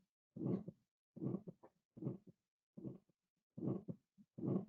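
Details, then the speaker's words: Aortic stenosis example, regular heartbeat about 75 a minute with a harsh crescendo-decrescendo ejection systolic murmur and paradoxical splitting of the second heart sound. "you can hear the typical crescendo decrescendo murmur with a paradoxical splitting of the second hard sound that that is pathognomonic of aortic stenosis"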